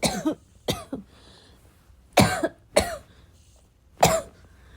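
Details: Five forceful coughs in irregular bursts, some with a throat-clearing quality, over about five seconds in a quiet room; a coughing fit.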